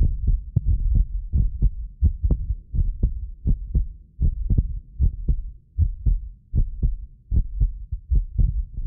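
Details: Heartbeat of a self-described medically fit person, recorded with more than six precision contact microphones; steady lub-dub about 75 a minute, occasional doubled click from the roughly 6 ms microphone delay, not the heart; normal heart sounds.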